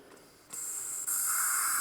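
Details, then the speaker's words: Portable oxygen tank in an EMT skills demonstration: a quiet hiss jumps in two steps to a loud, steady rushing hiss as the blue regulator wheel is cranked to 15 litres per minute for a non-rebreather mask; oxygen flow from regulator. "You see this blue wheel right here. This can dictate, as you hear it, how much oxygen is now coming out."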